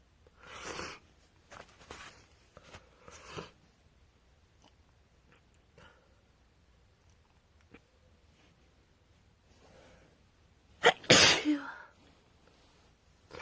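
Several soft sneezes and sniffs, ending in one loud forceful sneeze; sneezing with a cold.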